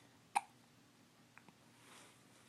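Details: Baby girl babbling while being talked to, then infant hiccups: a single abrupt hiccup followed by faint small sounds in a quiet room.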